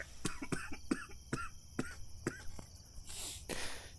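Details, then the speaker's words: Adult coughing fit of short, muffled, repeated coughs, some with a brief voiced tail, then a breathy exhale, recorded on a headset microphone. "I I don't know if you can hear my coughing I I move the mic away from my mouth hopefully it reduces the sound a bit"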